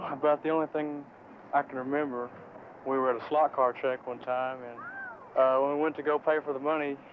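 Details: Adult male speaker; Normal speech.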